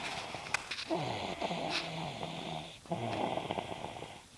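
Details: Snoring: two long, rough, rattling breaths with a snorting noise, separated by a brief pause; ordinary snoring.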